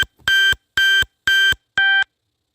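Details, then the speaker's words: Adult woman's glucose monitor alarm during a Mayo Clinic stay, described as the bad alarm unlike its usual beeps; four loud, evenly spaced electronic beeps, each about a quarter second, warning of an out-of-range reading. "yeah see that noise that you hear that is my glucose monster screaming at me that's the noise you don't want to hear"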